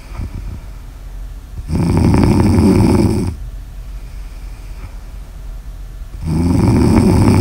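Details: Sleep snoring in an ASMR recording: loud, low, fluttering snores on each breath in, about every four to five seconds, with quieter breathing out between.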